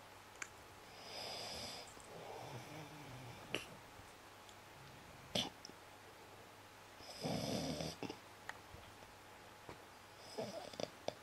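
Irregular snoring bursts with hissy, snorting breaths between quieter pauses in a small room; snoring.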